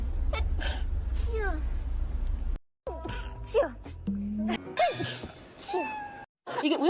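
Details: Compilation of an actress sneezing: several quick, high-pitched, squeaky sneezes cut together, with music and chatter behind them.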